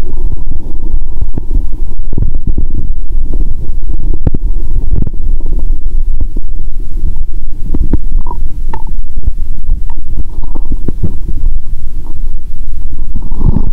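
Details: Stethoscope on own abdomen after a bathroom trip and a drink; belly now feels bloated; stomach sounds heard even near the heart; loud continuous low rumbling and gurgling with scattered pops: active bowel sounds (borborygmi).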